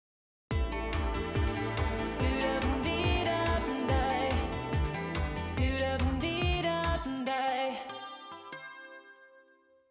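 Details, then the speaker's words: Simulated normal-hearing reference with no hearing loss, shown before noise-induced loss after 100 dB exposure: full-range pop music with clear bass and crisp treble. "우선 청력 손실이 전혀 없는 경우에 소리가 어떻게 들리는지 한번 보세요. 소리가 좀 클 수 있습니다."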